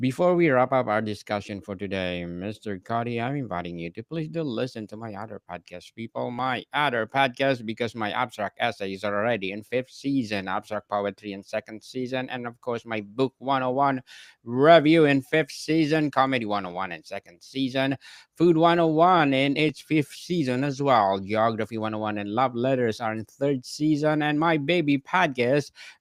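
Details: Adult male speaker; normal speech.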